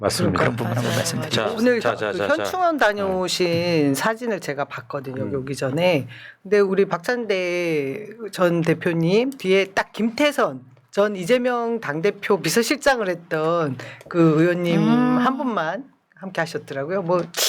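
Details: Adult speaker; normal voice.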